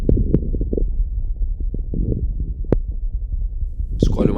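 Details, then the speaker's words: Lung auscultation teaching example: low, rumbling breath sounds with many brief, loud popping crackles, coarse crackles. "Isso é uma acreptação grossa."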